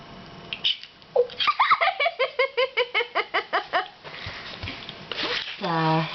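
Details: Pet descented male skunk that tends to barf, hiccuping repeatedly after eating chewy mozzarella sticks: rapid rhythmic squeaky hiccup-like gulps at about 2.5 per second with gagging noises and people talking.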